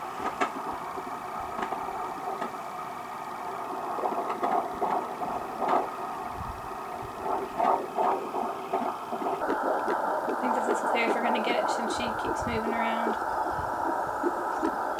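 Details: Fetal heart tones through a handheld BabyBeat fetal Doppler with a 3 MHz probe placed on the mother's abdomen: rapid, swishing rhythmic pulses, roughly 146 to 150 beats a minute.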